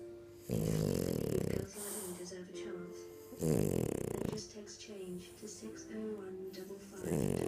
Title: Rodney the french bulldog snoring after a long walk!